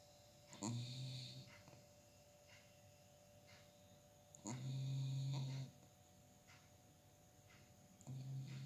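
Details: Sleeping dog's slow, regular snoring, about 15 breaths a minute, with low droning snores on each breath over steady room hum.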